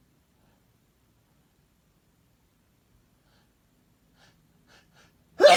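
Near silence with a few faint catching breaths, then one loud explosive sneeze at the end.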